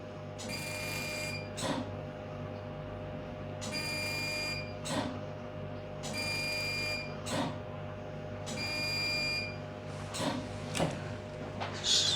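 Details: Hestia-S CO2 fractional laser doing facial resurfacing in a nurse's clinical demonstration on a female patient, working near the crow's feet and eye area: four bursts of a steady high buzzing tone, each followed by a sharp snap.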